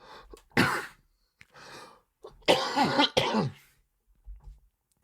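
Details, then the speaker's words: Cough from a stuffy-sounding adult who is unwell: a run of several harsh, throaty coughs with throat clearing, fitting an upper respiratory cold. "I guess let's get into scores so I don't die of whatever this is in my voice and I do apologize again I sound like I'm super stuffy but we're going to get through it"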